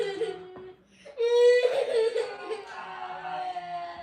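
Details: Moaning and crying in a nonverbal child with cerebral palsy.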